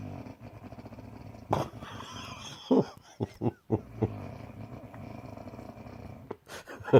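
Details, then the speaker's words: Low, rattling, growl-like snoring with a few short louder snorts from a sleeping adult, filmed by a partner; loud snoring. "I think you might need a snoring ring, my darling. What do you think? Lydia? Maybe you wake yourself up snoring."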